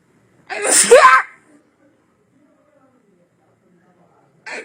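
A single sneeze: a quick in-breath then a sudden loud voiced burst, followed by quiet.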